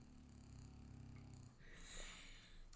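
Faint, low, rattling snore on one breath, then a soft airy exhale. Ordinary dog snoring in a quiet room.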